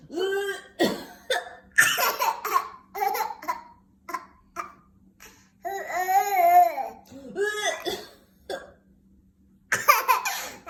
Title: Mama coughing and baby laughing 😂